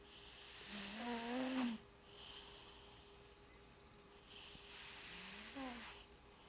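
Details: Sleeping cat snoring while dreaming: two soft breaths, each with a faint whistling, squeaky snore on the inward breath, against quiet room hiss.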